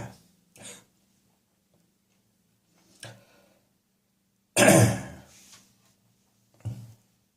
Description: Woke up this morning full of catarrh - probably due to a combination of the damp English summer and a slight over - indulgence in beer the previous evening.